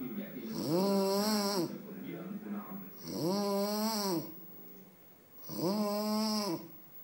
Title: The sound of...snore...